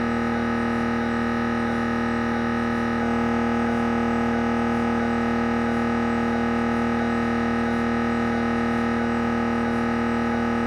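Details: Siemens Magnetom Avanto MRI head scan: loud, steady droning buzz with rapid rhythmic knocking at about 214 pulses a minute; MRI scanner gradient noise.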